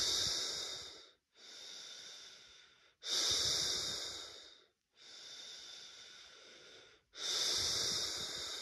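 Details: Laboured breathing at rest in first-time COVID-19 positive person: slow, loud, effortful breaths about 14 a minute with hissing airflow; chest feels hard, trachea feels blocked, air feels oxygen-less.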